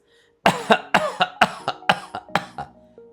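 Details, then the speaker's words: Adult imitating the pertussis (whooping cough) cough: a rapid string of about ten dry paroxysmal coughs in a bout, ending in a brief high-pitched inspiratory whoop. "Hay una tos muy característica a propósito de toses secas y paroxísticas, lo que es la tos del coqueluche. La tos del coqueluche o la tos del tiene una característica muy muy particular. Es una tos en quintas"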